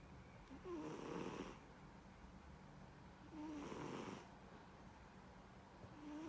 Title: Cat snoring